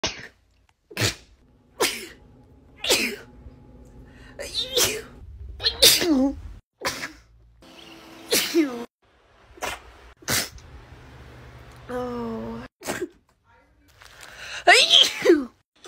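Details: Sneezing compilation clip: about a dozen sharp, brief sneeze bursts with short squeaky sounds between, from a small animal; sneezing.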